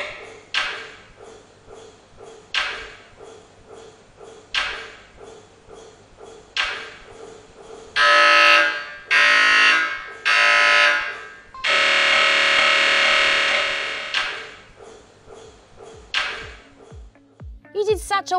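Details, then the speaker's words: Loud repetitive knocking pulses and long buzzing tones from a mock (practice) MRI scanner heard by a child lying still in the tunnel while watching a movie through a movie helmet, with squishy pillows by the ears, at a children's hospital. "I practice L still and watching a movie for about 10 minutes I also practice with the clangy bangy sounds"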